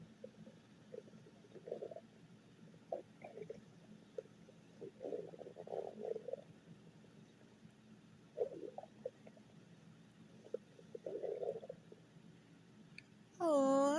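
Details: Quiet stomach growling (borborygmi): soft, scattered gurgles and short rumbles over a steady low hum, then a sudden loud sound at the end.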